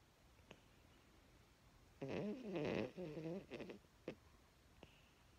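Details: Small dog asleep in a quiet room: a burst of fluttering, snorting snores with a few faint clicks; snoring said to be louder than a grown man's.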